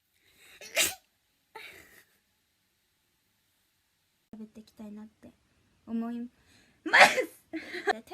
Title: Cute Japaneze girl sneezing くしゃみ26